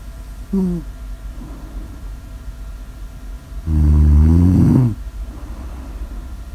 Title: Phoebe Snores: 💠New Years Special💠 Snore Audio ASMR